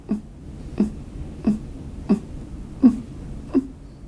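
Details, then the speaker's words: Short, low-voiced grunts at the end of each breath out, about six in four seconds, from a child; expiratory grunting, a noise many children with pneumonia make when breathing out, signalling breathing difficulty. "many children with pneumonia will make a noise like this when they breathe out this is called"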